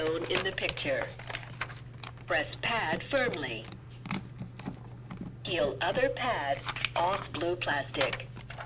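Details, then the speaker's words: AED voice prompt after pads applied to bare chest during CPR training demonstration, instructing rescuers to continue care and compressions for two minutes. "because you're gonna hear the AED prompt you to continue care and it will do that for two minutes"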